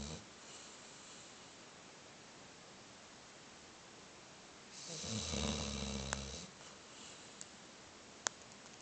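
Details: Snoring: a single rough, fluttering breath over steady background hiss, with a couple of faint clicks.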